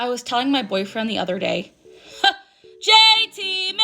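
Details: Woman with Tourette syndrome who says she is ticking while filming; she reports a premonitory urge before vocal tics (heavy tongue, throat sensation, panicky chest), and interjections appear to be vocal tics. Vocal tic (Tourette syndrome).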